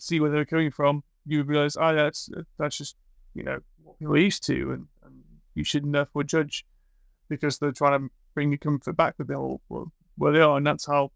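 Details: Adult man speaking; typical speech.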